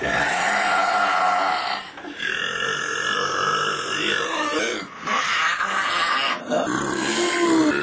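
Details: Burping contest: long, loud, rumbling voiced belches running almost continuously with brief pauses between them, repeated belching.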